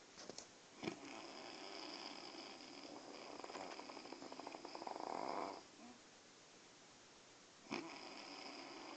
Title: Father and Son snoring